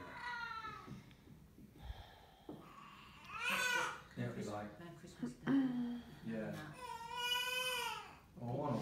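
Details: Soft, irregular high-pitched cries and whimpers from a newborn girl just minutes old, recorded from the mother's bed, with quiet adult talk in the room; a normal newborn cry.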